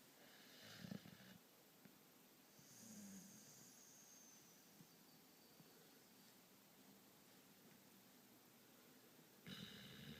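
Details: A deeply asleep person snoring: faint, rough sleep breaths under a steady hiss of room noise, with a louder snort at the start and the end; snoring.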